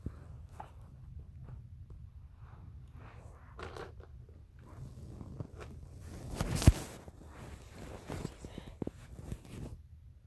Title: stomach growling